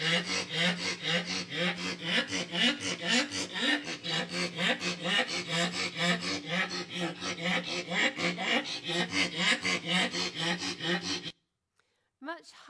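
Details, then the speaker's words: Rapid, harsh, high-pitched noisy breathing in a flat-faced dog with brachycephalic obstructive airway syndrome, loudest over the voice box: stridor, distinct from low-pitched palate stertor. "so much higher picks almost like it's soaring okay so that's strider it's very different to stutter"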